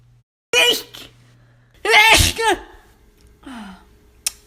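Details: Two loud voiced sneezes, each preceded by a sharp intake, followed by a brief sniff, in a small room: ordinary sneezing.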